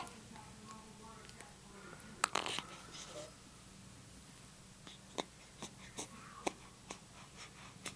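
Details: Baby sneezing: a single brief, soft sneeze burst in a quiet room with faint rustling around it.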